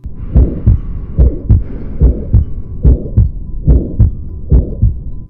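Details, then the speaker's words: Female patient on a cardiac monitor with leg edema, lower-field crackles, distended neck veins and volume overload. Regular heartbeat about 72 a minute with a rough murmur between the two heart sounds, radiating to the neck: aortic stenosis murmur. "okay so that sounds like an aortic stenosis murmur and that would explain the patient's symptoms"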